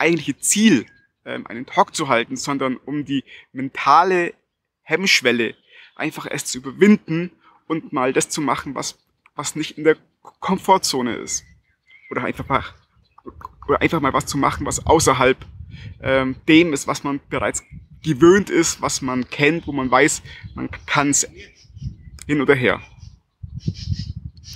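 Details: Stuttering in an adult German-speaking man.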